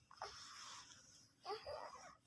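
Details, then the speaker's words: 3-year-old child with cough, colds and shortness of breath, unable to sleep at night: two noisy, strained breaths with a whistling, wheezy quality on each effort; wheezy labored breathing. "teman-teman adik masih batuk suaranya denyut-denyut dia enggak bisa tidur malam ini gara-gara batu pilek"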